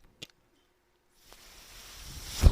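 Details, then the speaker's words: Mechanical ventilator breath from the podcast host's own ventilator: faint click, pause, steadily rising airy hiss ending in a louder gust, heard behind his speech. "noise you hear he's my ventilator and thank you for tuning in to Bates Turner's they were not my Star Wars podcast may the force be with you"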